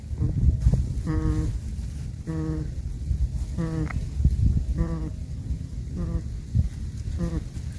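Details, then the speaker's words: Heavily pregnant boer goat doe grunting while getting up: regular short, low voiced grunts; owner also notes teeth grinding and yawning as signs she is close to kidding. "listen to this girl oh are you getting up are you grunting you're so big poor thing"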